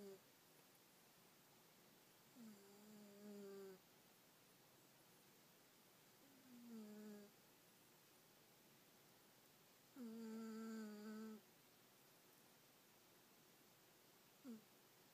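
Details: A sleeping cat snoring: soft, drawn-out tonal snores, about four in fifteen seconds, over quiet room noise.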